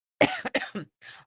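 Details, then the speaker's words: An adult with a tickly dry cough of a few days, with voice changes and earlier achiness, gives three or four dry, hacking coughs and then a soft throaty exhale. "I've had the kind of silly tickly cough for a few days it doesn't seem to be progressing into anything else"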